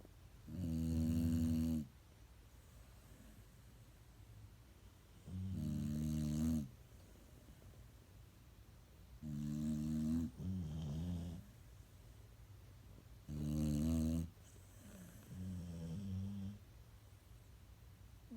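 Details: Loud, deep, rumbling snores about every four seconds, some followed by a softer second sound, at roughly 13 breaths a minute, from a sleeping female foster pet and her foster brother; snoring duet.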